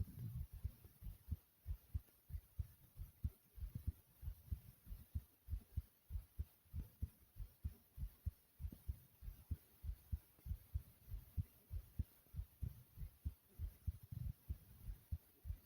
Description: my heartbeat was thumping and a tad bit fast after jumping in place like comment subscribe and enjoy ☺☺ #heartbeat #fast #fun